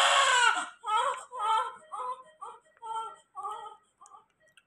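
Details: Newborn cry just after caesarean-section delivery, a baby who then needed NICU admission: a strong wail followed by a series of shorter, fading cries, about two per second.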